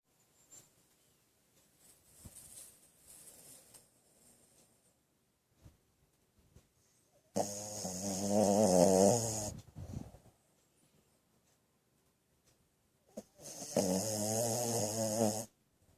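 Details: Shih Tzu poodle puppy asleep on the owner's arm: two loud, rattling snores on breathing in, with quieter breathing noises between them; snoring.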